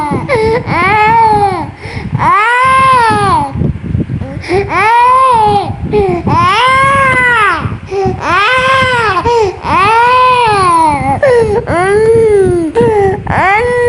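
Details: Young child unwell, coughing and in discomfort: loud, sustained wailing cries in repeated long bouts with brief catch breaths between; distressed crying.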